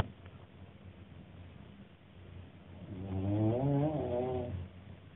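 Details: Adult man snoring asleep after a show, recorded by a hostel-mate; quiet breathing then one long, low, fluttering snore about 1.5 seconds, background hum. Snoring.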